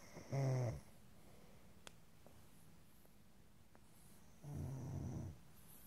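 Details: Snoring: two low, rattling snores about four seconds apart, with quiet room noise between them.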